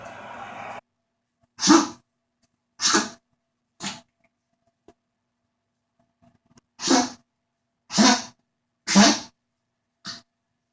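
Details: Seven short, sharp, breathy coughs from a small animal, in two runs with a pause between them.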